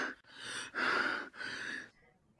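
Three harsh, effortful breaths in quick succession, then a brief voiced catch: gasping on inspiration, a sign of respiratory failure.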